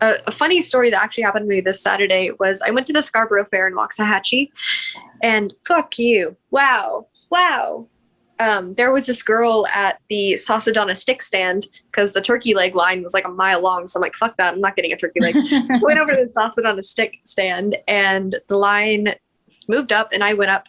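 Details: Woman with Tourette syndrome with vocal tics; swearing and interjection tics interrupt her speech; finding: Tourette syndrome vocal tics.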